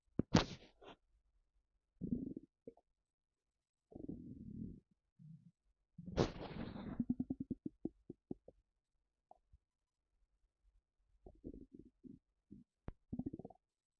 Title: Stomach rumbling when I'm sitting down